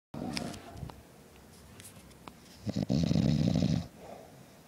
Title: My dad snoring really loud!